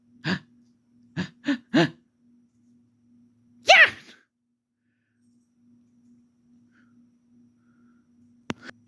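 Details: Fox sneezing: a run of short, sharp puffing sneezes, then one louder sneeze-like burst, over a faint steady hum. This is the first time his wolf mate has seen him sneeze.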